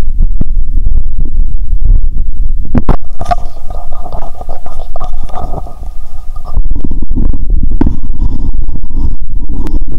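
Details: Own abdomen heard through the recorder's first stethoscope after fasting over 15 hours, before the cola and Mentos: low gurgling and rumbling with a sustained squeaky gurgle midway, active bowel sounds.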